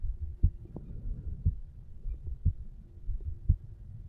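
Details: 35-year-old male relaxing on couch, recorded over mitral (bicuspid) valve area: steady low lub-dub heartbeats about 60 per minute with soft background rustle; normal heart sounds.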